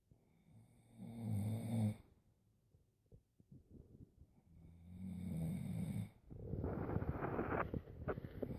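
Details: Snoring: two low, rattling snores on the in-breath, each followed by a quiet breathing pause, then a harsh noisy breath.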